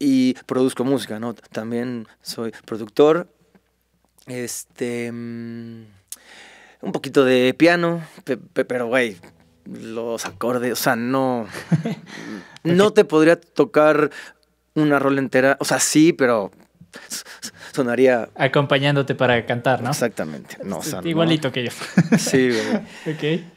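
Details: Mexican male singer who has stuttered since early childhood, cannot remember speaking without getting stuck, and reports not stuttering when singing; stuttering.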